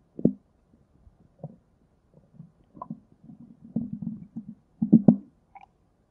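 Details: Low gurgling rumbles and squelches in irregular bursts, rising to a louder churning run near the end: ordinary stomach growling (borborygmi).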